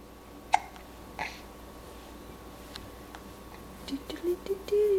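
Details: Hiccups: two sharp, brief hiccup sounds about a second apart over room noise, then soft vocal sounds.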